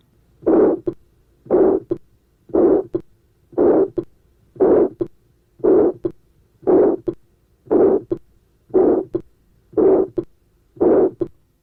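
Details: Aortic stenosis: harsh ejection systolic murmur at about 58 beats a minute, best heard over the aortic area and conducted to the carotids, with a well-preserved second sound.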